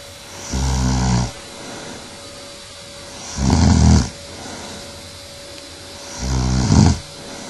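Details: Adult woman (speaker's wife, who denies snoring) asleep, recorded 2008: loud, low, rattling snores on each inhalation, about 21 a minute, with quieter breathing between.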